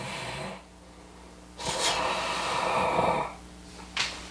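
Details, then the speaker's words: Adult, not much of a snorer, imitating tongue-based snoring with jaw pushed forward to demonstrate mandibular advancement: mostly airy breath noise with little low snore flutter, showing jaw advancement makes snoring difficult. "So if I'm, think of an ugly pug, if I have my jaw forward and I try to snore, I can still snore up here. You can hear the quality is a lot less, but if I try to do the snoring from down here where it's like my tongue."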